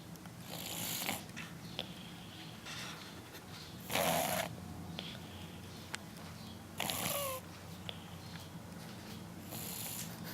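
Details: Young child napping: loud, rough snoring bursts about every three seconds, roughly 20 breaths a minute, over quiet room noise.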